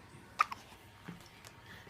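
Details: Hiccups that never stop: a few quiet, abrupt hiccup catches in a short quiet stretch.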